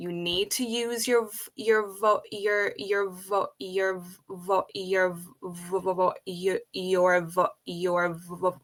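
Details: Adult woman who has stuttered since age five, speaking in a real conversation; stuttering.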